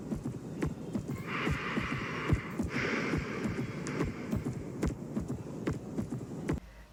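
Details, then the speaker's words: Third heart sound (S3), pathological: regular low heart sounds at about 72 a minute, with a soft extra thud after S2. Best heard at the mitral or tricuspid area. "vemos se escucha el s1 y el s2 pero después del s2 se escucha otro sonido"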